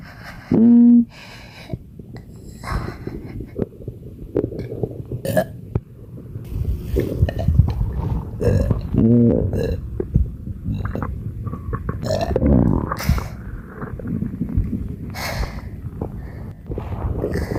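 Repeated loud, low belches over steady background noise, fitting burping with bloating.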